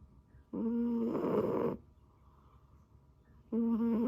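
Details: Sleeping cat: buzzing, droning snores, two breaths heard, in a quiet room; snoring.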